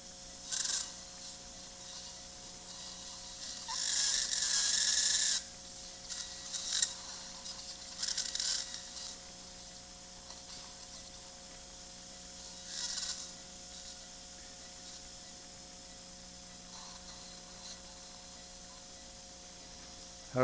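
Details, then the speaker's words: High-speed 3 mm neuro drill cutting bone at the lamina–facet junction from C7 upward, with irrigation, during live cervical spine surgery for multilevel C3–C7 disc herniation with cord compression: intermittent high-pitched grinding over operating-room hum. "Kind of like being in the dentist's office, huh? Listening to that drill in your teeth."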